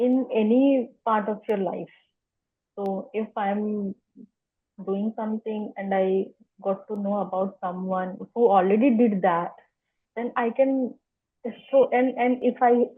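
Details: Adult woman whose stammer began in early childhood, in spontaneous podcast interview speech: stuttering.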